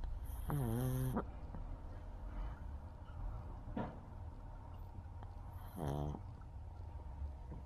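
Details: Female pug, partially deaf, snoring on her first night sleeping on the owner's bed: loud, rattling snores with snorts and grunts, typical noisy breathing of a sleeping flat-faced dog.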